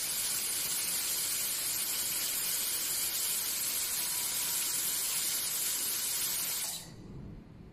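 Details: Steady, high-pitched, airy hiss that stops abruptly near the end: a 1:5 increasing high-speed contra-angle dental handpiece with fiber optic (X95L) running freely.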